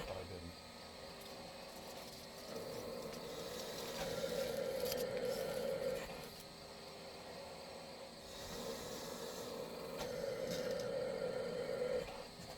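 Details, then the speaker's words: Mechanical insufflation-exsufflation (cough assist) used outdoors in the woods on a 17-year-old quadriplegic, ventilator-dependent boy: the machine's rising and falling airflow hum cycles twice as it pushes air in and draws it out. "Alright, so here we are, we're going to do cough assist in the woods."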